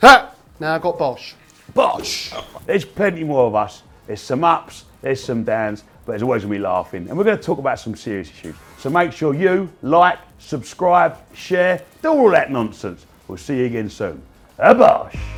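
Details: Adult man speaking; ordinary speech.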